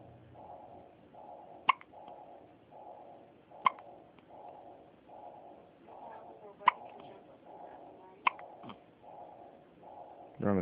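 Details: A baby with hiccups: four sharp, brief hiccups about two to three seconds apart over a steady pulsing background hum.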